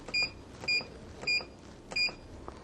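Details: Four short, high electronic beeps about half a second apart as the time and temperature control buttons are pressed on an Ingalit V2-01 heated oxygen-helium inhalation unit.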